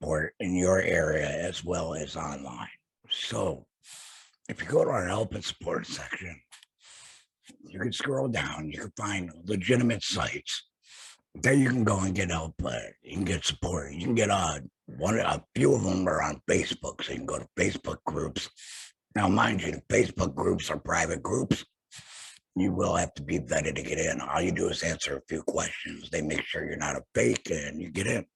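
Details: Man who had a total laryngectomy for throat cancer, with his vocal cords removed, speaking with his post-laryngectomy voice; alaryngeal speech after total laryngectomy.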